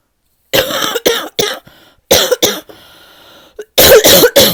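About eight harsh, deep, hollow coughs in short clusters with brief quiet gaps between; a barking cough.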